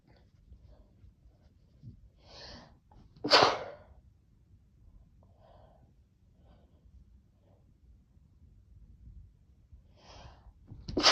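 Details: Quiet sniffing and an in-breath, then one sharp sneeze with another starting at the end, after a new vial of Chhinkni; no wheeze heard.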